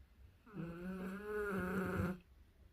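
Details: One drawn-out, buzzing, low snore of over a second in a quiet room, described as unusually loud for this sleeper; snoring.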